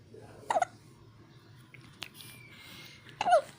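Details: Two short, sharp voiced hiccups about three seconds apart, quiet room noise between; hiccups.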